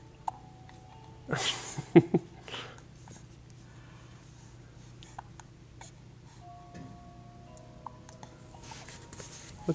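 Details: Infant hiccups in a Bumbo seat, head whipping back with each one, after a rough evening of not wanting to sleep: a few brief, sharp catches in a quiet room with faint background music.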